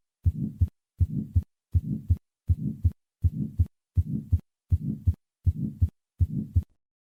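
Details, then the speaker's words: Patient with an implanted TAVR bioprosthetic aortic valve: regular heartbeat near 81 a minute with a soft systolic murmur and a crisp, normal closing sound. "the implanted tavr valve sounds like other bioprosthetic aortic valves with a soft systolic murmur and a normal closing sound"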